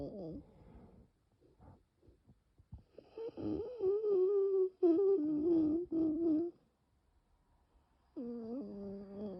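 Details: Long whistling musical expiratory wheezes with quieter raspy breaths, during bronchial spasm in a very severe nocturnal asthma attack without coughing, bronchi later reopening with rescue medication; wheezing.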